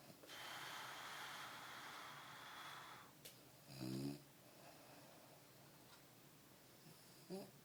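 Sleep breathing with a long rough noisy breath, then a few short snorting sounds against steady room hiss; snoring.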